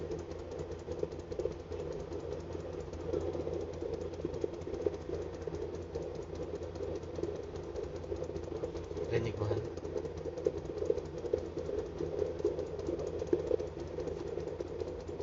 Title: 22 weeks 12.14.24 fetal Doppler